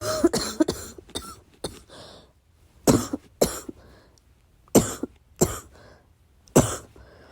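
Repeated short, muffled coughs in a quiet room, a coughing fit held back to stay quiet.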